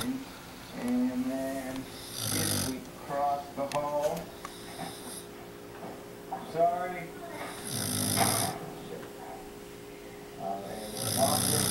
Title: Snoring...funny wake up/ hit camera